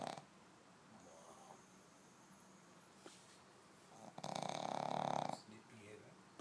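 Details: A quiet stretch, then a single loud, buzzing snore of about a second from a sleeping pug, described as fat and lazy, resting after a long day; snoring.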